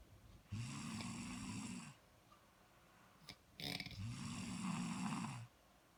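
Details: Person snoring while asleep: two long, buzzing snores on the in-breath, each over a second, separated by a brief pause and a snort; ordinary snoring.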